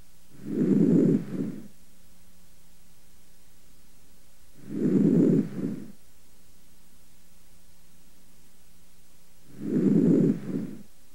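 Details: Three deep, soft breaths heard through the stethoscope diaphragm over the posterior thorax of an adult male breathing deeply through his mouth. Each has a longer inhalation and a shorter, quieter exhalation: normal vesicular breath sounds.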